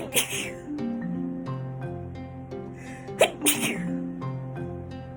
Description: House dust makes me sneeze . As I’m sitting in my bedroom I suddenly get a dust bunny up my nose and it makes me sneeze a lot.